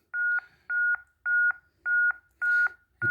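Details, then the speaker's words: CPR metronome on a defibrillator during training, with regular paired electronic tones at about 107 per minute pacing chest compressions within the 100–120 per minute target. "we continue with our monitoring our rates make sure that we are between 100 and 120"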